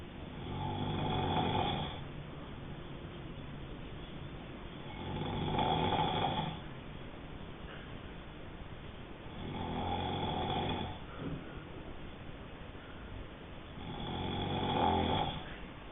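Four low, rattling snores on the breath in, about 15 breaths a minute, with quiet breaths out between them; steady snoring.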